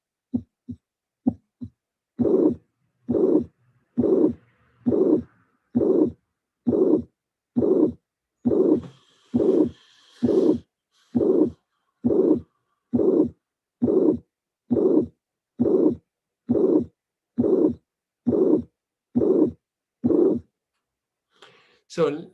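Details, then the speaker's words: Heart sounds with a soft systolic murmur between the first and second sounds and a clear diastole with no added sound; mitral regurgitation. "I can anticipate that the murmur is a systolic murmur of course because this is the first sound and this is the second sound"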